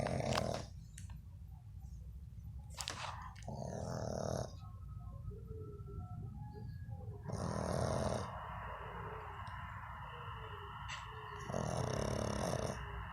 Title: Pug snoring